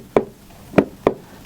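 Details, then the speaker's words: Three crisp, clean heart sounds at regular spacing with nothing extra between them; normal heart sounds with a very regular rhythm. "这是我们正常的心音，节律非常规整，非常干"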